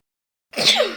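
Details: Female sneeze, a sound-effect recording.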